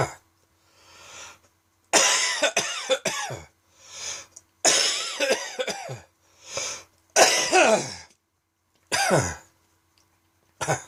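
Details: An adult's unexpected evening fit of dry, tickly, non-productive cough: harsh, dry bursts with breaths drawn between bouts.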